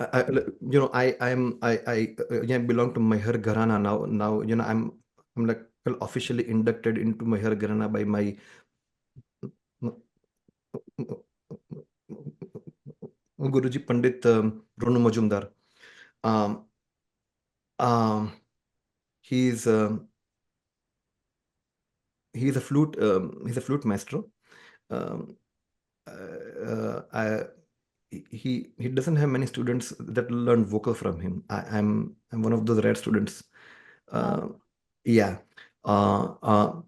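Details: Adult man, a person who stammers; stammering.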